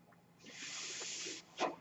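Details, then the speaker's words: Speaker's own mechanical ventilator, heard during his podcast talk: a steady breathy hiss of delivered air for about a second, then a short puff, a ventilator cycle. "that noise you're hearing is my ventilator and welcome the page-turners they were not my stars podcast"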